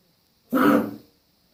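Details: A single harsh, throaty cough-like burst from a dog that is foaming and trying to spit something out, possibly something stuck; resembles gagging or throat clearing.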